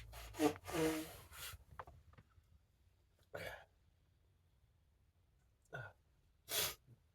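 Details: Sneezing fit into a handkerchief at an awkward moment, with repeated apologies; the sneezer suspects something in the air. A run of short muffled sneezes, the first few close together, then single bursts with quiet gaps.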